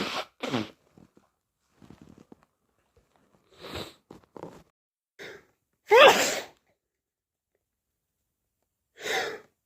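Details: Several forceful, wet cold sneezes with quieter sniffs and breaths between them; sneezing with a cold.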